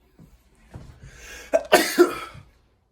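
Quick in-breaths followed by a sharp, explosive burst with a short trailing blow; a sneeze.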